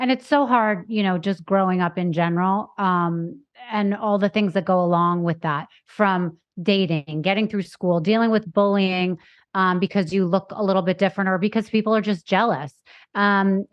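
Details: Adult woman speaking; Normal fluent speech.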